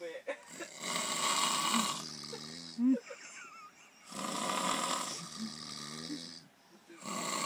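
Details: Two men snoring during sleep after drinking wine: two long, rough, rattling snores with a quieter breathing pause between them, with others laughing in the background.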